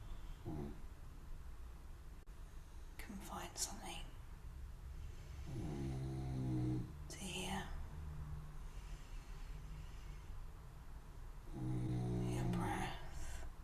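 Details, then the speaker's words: A dog deeply relaxed and asleep in the background, snoring in slow low rumbling bursts with breathy sniffs between them. "It's the sound of my dog snoring. In that deep state of relaxation."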